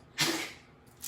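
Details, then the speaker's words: A female dog that the owner says is having one of her usual asthma attacks gives a single harsh, noisy, cough-like burst during a breathing episode: dog cough. "my dog's having an asthma attack she's all right she does that"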